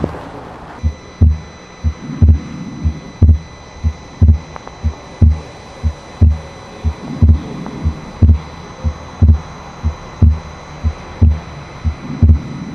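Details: Widely split second heart sound on the Harvey simulator at the pulmonary area, regular at about 60 a minute, with carotid pulse shown; second sound split permanently, more on inspiration than expiration.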